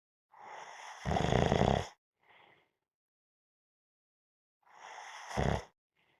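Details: Two rough, rattling inspiratory snores, each ending in a louder snort and separated by a quiet pause, from a person snoring while napping.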